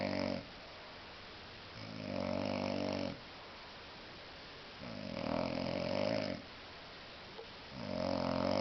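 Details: Adult man, very drunk, sleeping off a heavy drinking session and snoring: snoring.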